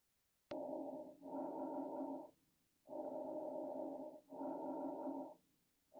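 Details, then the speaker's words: Normal bronchovesicular breath sounds heard centrally between the first and second intercostal spaces, interscapular area: inspiration and expiration about equal in length, pitch slightly higher than peripheral vesicular sounds. "so as you get more Central now now you're listening between the first and second uh intercostal spaces interscapular area what's called Bronco you get an even uh inspiration expiration uh time and the pitch starts to increase a little"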